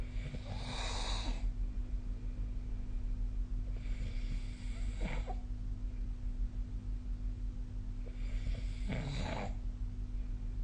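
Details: Recording of a person snoring in sleep: loud snores, three breaths about every four seconds (roughly 15 a minute), over a steady low hum; snoring.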